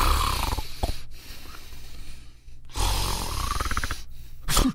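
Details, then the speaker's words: Loud, rattling snores broken by a quiet pause, then a snorting gasp: the sound of sleep apnea snoring. "that's the sound of sleep apnea"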